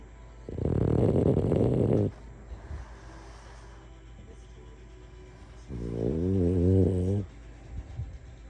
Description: French Bulldog is sleeping and snoring.